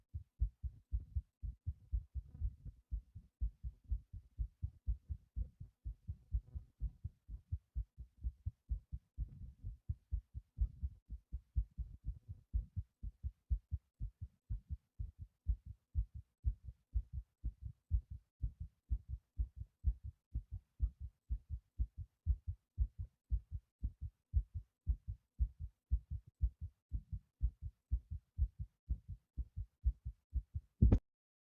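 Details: Own heartbeat thumping fast during breath-holding, rapid steady low thumps about 120 beats a minute; tachycardia.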